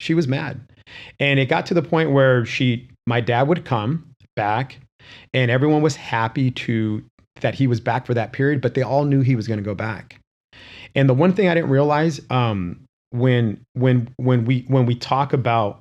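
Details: Adult male real estate broker who says he has a stutter and calls it a disability; stuttering.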